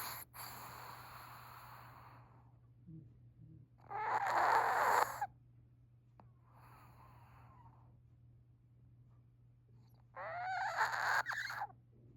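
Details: Chihuahua snoring: fluttering, snorting snores on each breath, with two loud bursts about six seconds apart and softer breaths between.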